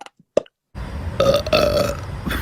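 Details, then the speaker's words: Long, loud, tonal belch in two surges after a brief click, pitched G to E (a minor third); burping. "so when he burped he made a g and an e which is a minor third"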